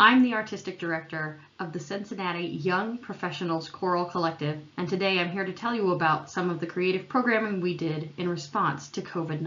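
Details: Adult woman speaking; normal voice and fluent speech.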